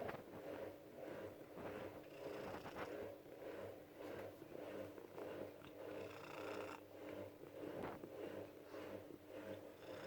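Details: Shelter cat in Germany purring and snoring at the same time while sleeping: a steady rapid rumbling purr with a soft snoring rasp on each breath, in a small quiet room.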